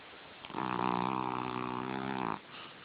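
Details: Snoring in a sleeping puppy: a single long, buzzing, vibrating breath sound lasting nearly two seconds.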